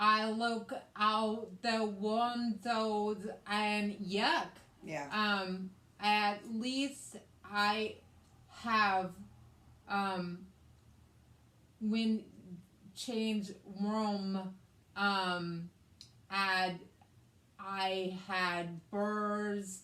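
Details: Post-stroke aphasia in a woman after a hemorrhagic stroke on May 19, 2020, with right-sided hemiparesis, brain surgery and an ICU stay; the aphasia also affects her reading and writing. She speaks in conversation. Finding: aphasia.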